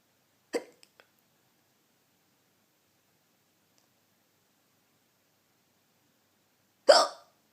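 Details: Hiccups in the dark while trying to sleep: two sharp, abrupt hiccups about six seconds apart in near silence.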